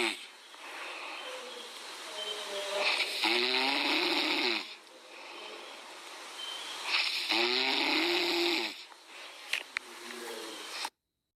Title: A Cute Puppy | Dog Snores Loudly Like A Human..!#puppy #chihuahua #dog